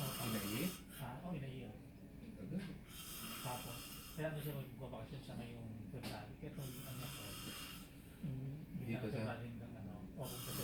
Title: More snoring...